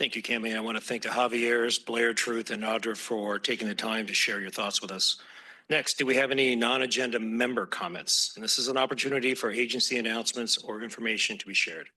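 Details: Adult man speaking; normal voice.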